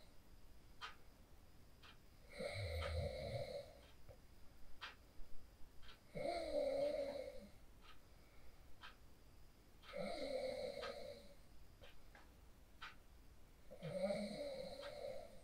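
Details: Adult sleep snoring recorded on a mobile phone after practicing the 4-7-8 breathing technique: steady rough, buzzing inspiratory snores, about four in fifteen seconds, with quiet pauses between.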